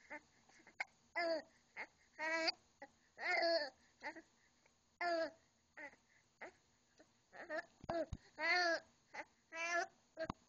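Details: Young child talking with hiccups: babbling in short voiced bursts broken by abrupt catches between sounds.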